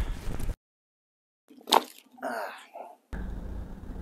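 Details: Spinal joint cavitation during manipulation: sharp brief crack during a quiet pause between guided breaths, then soft breathing and rustling; normal finding.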